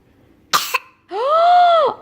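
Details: Young child's deliberate fake cough, suspected by a parent of pretending to be sick to get medicine with a gummy bear: two short forced cough bursts, then a drawn-out voiced whine.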